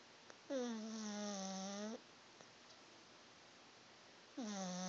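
Loud, drawn-out whistling snores separated by quiet pauses, from a sleeping small flat-faced dog; snoring.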